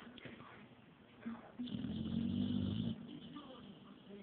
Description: My dog atilla falls asleep wit her tongue out and she snores all the time.